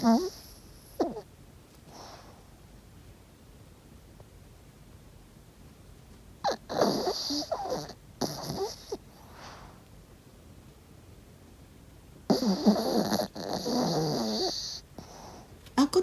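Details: Small dog sleeping in and not waking when called, snoring quite loudly: soft snorting breaths with quiet gaps, then louder snuffling bursts.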